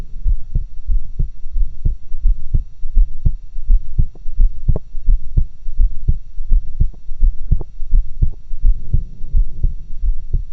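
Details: Own normal heart sounds recorded with two stethoscopes in a near-stereo setup.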